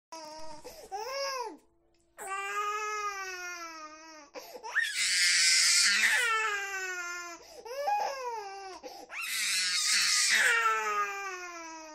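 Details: An infant's rising and falling wails, some strained and raspy at their loudest, with short gasps between cries; ordinary infant crying.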